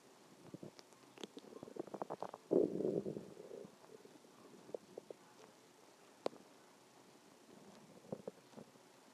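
Low gurgling and bubbling rumbles from the abdomen, rising to one longer growl; ordinary stomach growling.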